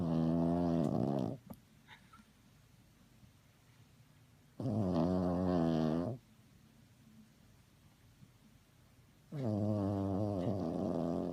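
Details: Sleeping dog snoring: three long, rumbling, vibrating snores with quiet pauses, about 13 a minute.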